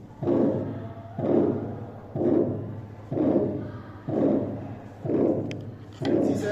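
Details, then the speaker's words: Harsh, rushing systolic murmur swelling then fading with each beat at about 62 per minute, over faint room noise: crescendo-decrescendo diamond-shaped murmur of aortic stenosis. "El típico soplo de las válvulas aórtica y pulmonar son los soplos en diamante. Ellos se presentan tal cual como soplos en diamante."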